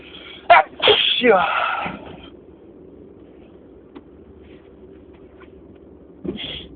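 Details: Spring allergy sneezing fit: three loud sneezes in quick succession, then quiet and the start of another, during a very long sneezing attack.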